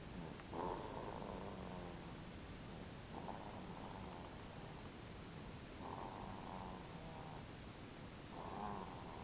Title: snoring!